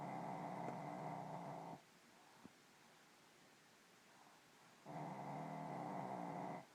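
Two long, low buzzing, growl-like snores, each about two seconds, separated by a quiet pause. Snoring in a sleeping dog.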